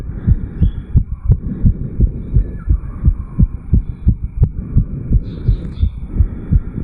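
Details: 34-year-old male after jogging up Bel Air, Cairns, recorded at the mitral (bicuspid) valve area: rapid, regular, strong heartbeats at 160–180 bpm, sinus tachycardia after exercise.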